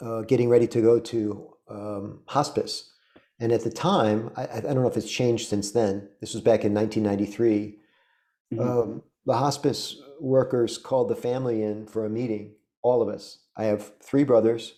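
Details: Adult man speaking; normal speech.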